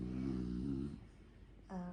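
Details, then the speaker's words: Sleeping dog named Jaguar snoring: low, buzzing, rattly tone lasting about a second, a quiet pause, then the next snore. "Dan kalau kalian dengar ini suara ngorok, jadi cowok-cowok itu aku juga nggak tahu sih ya, apa cowok-cowok aja atau yang jenis"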